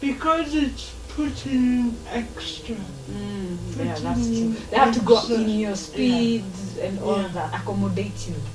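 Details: Adult woman speaking; plain speech.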